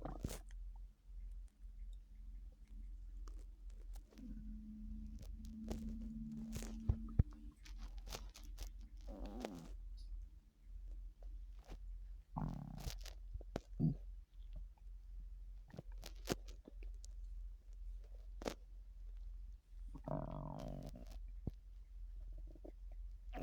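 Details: Loud borborygmi: gurgling, squeaky stomach and bowel rumbles in bursts over a low steady hum.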